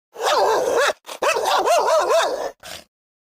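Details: Reverse sneezing in a dog: rapid, repeated honking snorts as air is pulled in through the nose.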